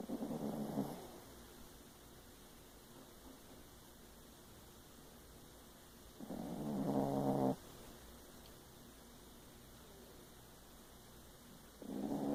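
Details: A sleeper gives soft, buzzing snores on the in-breath about every five to six seconds, with steady background hum; snoring.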